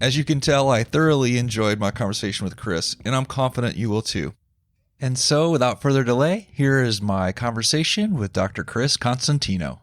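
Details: Adult male speaker; typical fluent speech.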